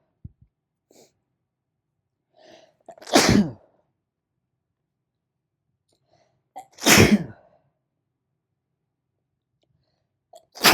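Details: Self-induced allergy sneezing fit: three forceful explosive sneezes, each preceded by a brief in-breath.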